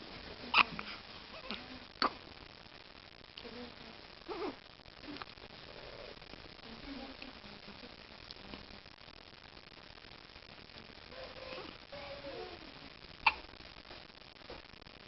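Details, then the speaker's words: Little sister hiccuping: a few brief, sharp hiccup clicks spaced irregularly over quiet room noise; hiccups. "妹妹打嗝了，妹妹在打嗝了。"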